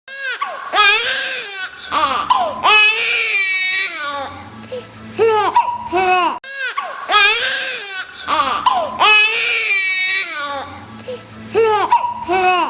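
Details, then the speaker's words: Loud, high-pitched newborn crying in repeated wailing bursts with brief breaths between; the segment appears to repeat midway. Ordinary newborn crying. "आज की वीडियो में हम बात करेंगे कि नौज़ायदा बच्चों के रोने की क्या रीज़न हो सकती है और आपको उनके रोने को कैसे समझना है, क्योंकि वो बोल नहीं सकते और वो अपना मसला बता नहीं सकते।"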